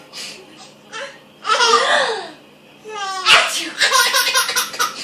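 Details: Baby laughing at someone sneezing: a sneeze-like burst among baby laughter and bright giggling, with the child laughing after the sneeze.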